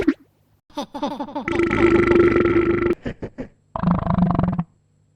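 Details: A series of short and drawn-out, croaky, gurgling burps, electronically edited into sound variations.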